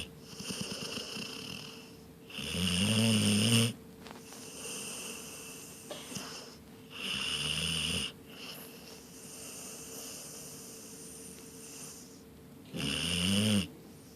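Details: Three loud, rough inhaled snores about five seconds apart, with quieter breathing and a faint steady hum between them; snoring.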